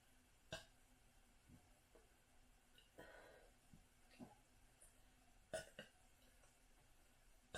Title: Hiccup Burps | Gotta Burp to Survive